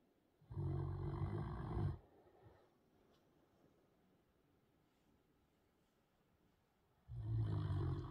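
Two soft, low rumbling snores several seconds apart from a sleeping puppy, with quiet breathing between them; light snoring.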